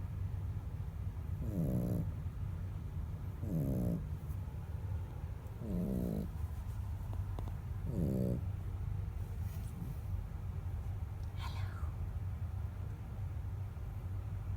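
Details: Snoring in sleep: four regular, low, rattling snores about two seconds apart, roughly 28 breaths a minute, over steady background hum.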